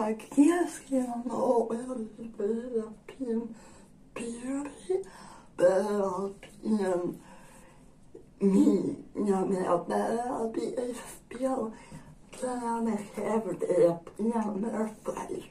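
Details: Dysarthria in a woman with generalized dystonia.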